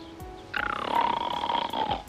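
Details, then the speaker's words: Simulated snoring in a TV drama: a drawn-out, buzzing, motor-like snore played from a tape recorder over soft background music. "经过一段时间的蹲点查看"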